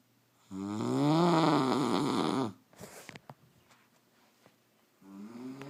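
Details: Adult woman (wife) snoring during sleep: a long, loud, buzzing snore on the in-breath, then a quiet pause with small clicks, and the next snore beginning; typical snoring.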